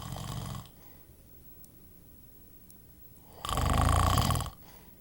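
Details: Ordinary snoring: low rattling snores on breaths in, with quiet pauses between, recorded in a small room.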